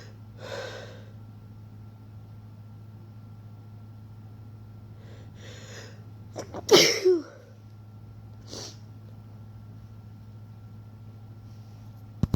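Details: Several soft muffled sneeze bursts over steady hum with one louder sharp sneeze breaking through, induced by someone getting a cold while trying to stifle them; stifled sneezes.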